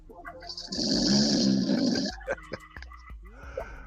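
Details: Person asleep on a livestream: a loud, rough, rattling inward snore followed by softer clicking breath noises; heavy snoring during sleep.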